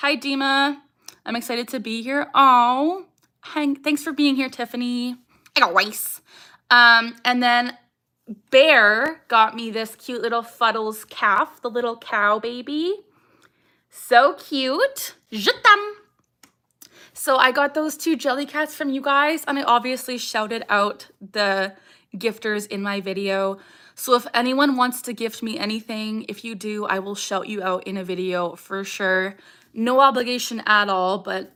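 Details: Young woman with Tourette syndrome whose speech is interrupted by her vocal tic "I got rice"; her other vocal tics are barking and saying "ha"; vocal tics (Tourette syndrome).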